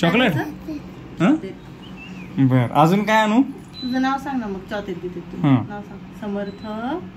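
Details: Adult and young child talking; normal speech (adult prompting child).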